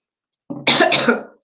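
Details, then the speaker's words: Adult with a terrible cold and cough, speaking during a live stream: a single short, dry cough with a throat-clearing quality, in a quiet room. "one second I'm gonna pause for a brief second Clem sorry that was a nasty bit of cough comin"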